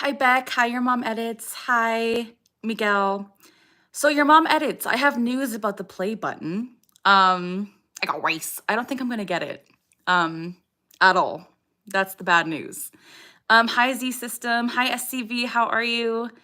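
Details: Adult woman with Tourette syndrome producing a vocal tic, a short phrase that interrupts her speech during a livestream; vocal tics (Tourette syndrome).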